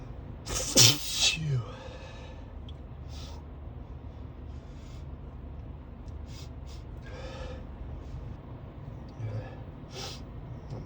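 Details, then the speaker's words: Driver commuting to work with allergic sneezing despite daily morning medication; one loud sneeze, then snorts and sniffs over steady car noise. "I take my meds every morning, but sometimes they decide not to work for some reason. >> [clears throat] >> And this is the result."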